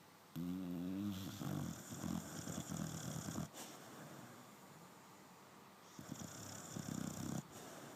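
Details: Sleeping dog snoring: rough, rattling breaths with a vibrating, buzzy tone, pausing between breaths.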